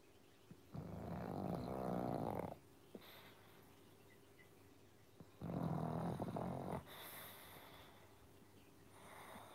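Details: Pug sleeping on a beanbag in a sweater after a long day: two long, rattling inhaled snores about four seconds apart, quiet breathing between, and a faint third beginning.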